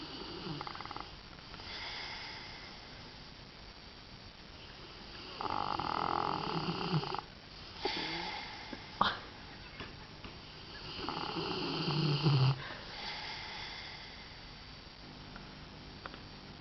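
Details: Rottweiler snoring while asleep: rough, rumbling snores in slow repeated cycles, with faint room noise between breaths.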